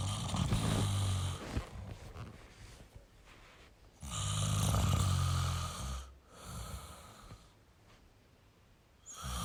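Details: Snoring in a sleeping male: deep, loud vibrating snores with each breath, separated by quiet exhalations, in a regular sleeping rhythm.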